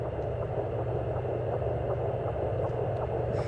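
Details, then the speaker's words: Fetal heartbeat on Doppler, a healthy baby girl: fast rhythmic whooshing pulses over steady hiss at 160 beats a minute, a normal rate. "Un petit bébé qui son cœur bat à 160. C'est parfait. C'est un petit bébé en santé."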